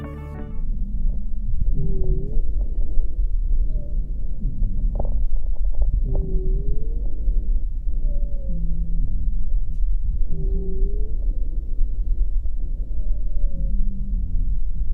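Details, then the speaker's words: Rhonchi: low-pitched, continuous snoring and groaning sounds across the breath cycles, from airway wall vibration caused by turbulent flow through an obstruction. They may be palpable on the chest wall. "rondas es un ruido de baja tonalidad que se produce por vibración de las paredes de la vía aérea generada por el flujo turbulento por obstrucción"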